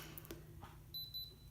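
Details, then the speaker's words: Two short high beeps from a handheld GammaCore vagus nerve stimulator, held on the side of the neck over the pulse, signalling the end of a stimulation session; a 26-year-old clinical trial participant's first day of use; device completion beeps. "the device beeping so that means it's done"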